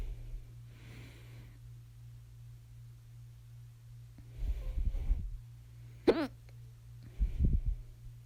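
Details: Second bout of hiccups, starting at 11:24 PM, with attempts to stop them by drinking water and breath-holding: a sudden sharp voiced hiccup among soft breathing and rustling over a low electrical hum.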